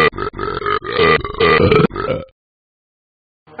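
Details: Person burping: a string of long, loud, drawn-out voiced belches, about six in two seconds, then silence; repeated burping.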